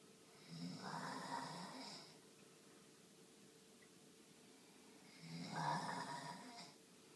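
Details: Male snoring, recorded spring 2013: two rough, rattling snores about five seconds apart over quiet room noise, roughly 13 breaths per minute; ordinary snoring.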